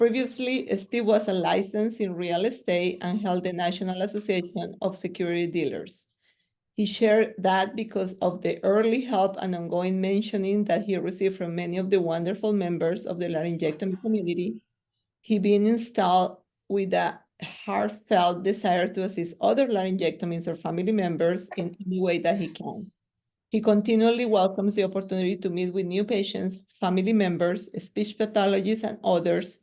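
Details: Adult woman speaking; normal speech.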